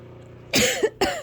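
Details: Two harsh, forceful adult coughs over a loud steady fan hum in the background; hard coughing.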